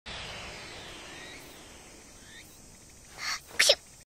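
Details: An anime character, soaked from head to toe, gives a disappointing sneeze: a faint hiss, a brief intake, then one sharp explosive sneeze.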